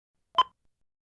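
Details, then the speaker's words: A single short periodic electronic chirp from a HeartStart MRx monitor/defibrillator, shown with a solid red X, signalling a detected failure that may prevent defibrillation, pacing or ECG acquisition: defibrillator failure alert chirp. "a solid red X and a periodic audio chirp"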